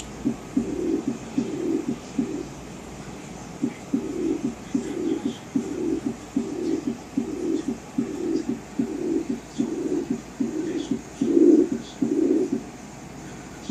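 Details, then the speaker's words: Example of the high-pitched diastolic murmur of aortic regurgitation, heard with the stethoscope diaphragm from the left second intercostal space down the left sternal border with breath held after full exhalation: repeated soft blowing sounds after each beat, about 74 a minute. "listen for the high pitched diastolic murmur of aortic regurgitation if the patient had this murmur it would sound like"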